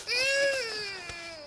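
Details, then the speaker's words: Baby crying in the background while an adult replaces a car air filter: a single sustained, tonal, falling infant wail in a quiet room; infant crying. "Sorry, I hear the baby's crying a little bit there."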